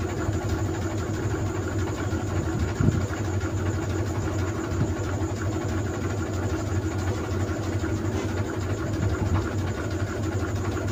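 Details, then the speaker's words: A portable battery- or power-bank-powered compressor nebulizer, used by an adult for asthma, runs with a steady low mechanical hum and buzz while producing visible mist. "Lakas po usok oh. Makikita niyo po yung usok."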